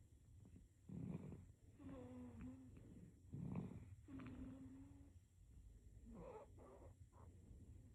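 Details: Sleeping baby snoring: soft, irregular snorting breaths with a faint whistling note.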